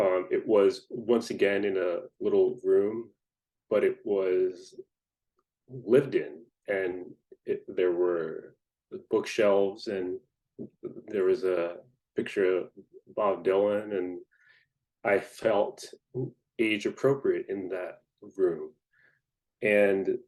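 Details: Adult person who stutters, speaking in a podcast interview; stuttering.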